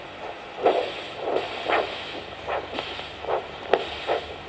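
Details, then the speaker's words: Handheld pocket Doppler arterial pulse signal at the posterior tibial artery behind the medial malleolus; cuff inflated until the signal disappears, then slowly deflated, signal returning at systolic pressure, about 245 mmHg, for ankle-brachial index measurement screening for lower-limb arterial disease. "je gonfle le brassard jusqu'à disparition du signal sonore je dégonfle lentement la réapparition du signal sonore correspond à la pression de l'artère tibiale postérieure"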